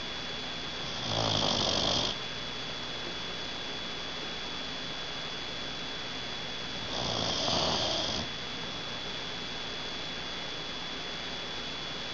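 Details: Two raspy, hissing snores about six seconds apart over steady room hum; snoring.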